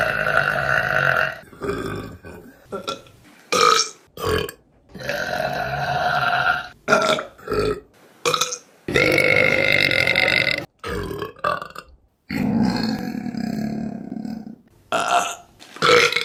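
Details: Women burping in a compilation: a series of long, loud, voiced belches, one after another with brief pauses.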